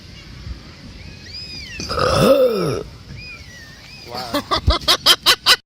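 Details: A Polish woman burping deliberately: a long, loud, low belch with falling pitch, followed by a run of short, rhythmic voiced bursts.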